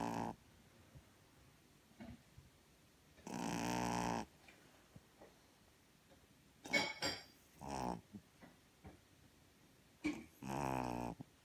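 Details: Light, high-pitched, tenor-like buzzing snores, occasional and separated by quiet pauses, with faint snuffles in a quiet room; snoring.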